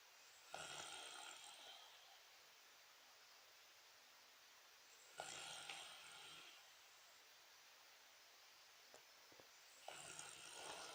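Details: Snoring: rough, breathy snores recurring about every five seconds, roughly 12 breaths a minute, with quiet pauses between them.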